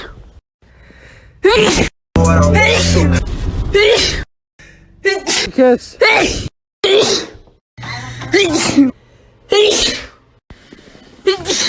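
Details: Rapid series of sharp sneezes from different people, several preceded by a quick in-breath, with brief music between them; sneezing compilation.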